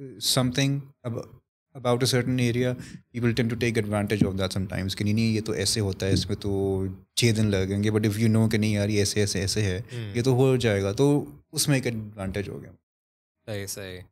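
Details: Stuttering in an adult male who stammers; he masks it with alternate words, and it is worse when he is conscious of it.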